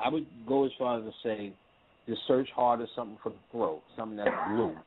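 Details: Adult man speaking; Normal adult speech.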